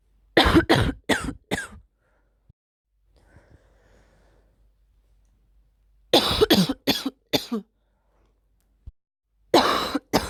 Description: I have had a sore throat and a blocked nose for a week. Today I have had the first coughing episode which is burning my throat and chest slightly.